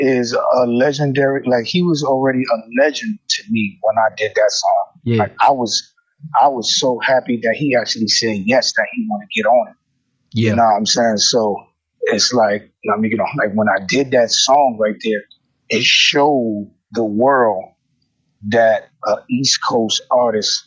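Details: Adult male rapper with self-described bad stuttering running in both sides of his family (father, maternal grandfather); stuttering.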